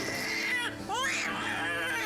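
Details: Newborn boy's first cry at birth: brief, loud, rising and falling cry over room noise, judged good; within minutes he showed respiratory distress needing some oxygen.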